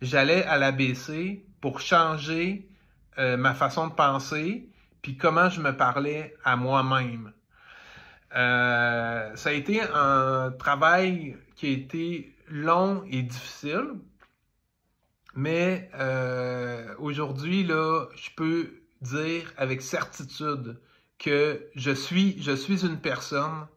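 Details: Adult woman who reports her own stuttering; stuttering.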